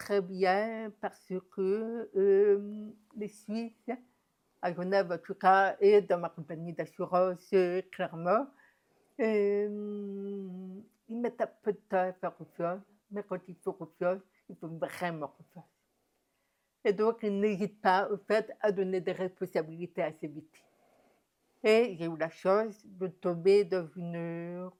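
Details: Woman deaf since infancy (diagnosed at 9 months), told she would never speak; never heard her own voice; learned speech through about 20 years of speech therapy; deaf speech.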